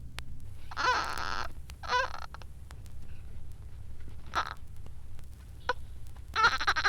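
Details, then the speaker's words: Short voiced expiratory grunts from a premature infant with suspected hyaline membrane disease: rib recession, raised respiratory rate, cyanosis, diminished air entry, fine crepitations, and a ground-glass X-ray with air bronchogram; typical grunting respiration. "An X-ray of the lungs shows a characteristic ground glass pattern and air is seen outlining the bronchi giving an air bronco. And here is the typical grunting respiration."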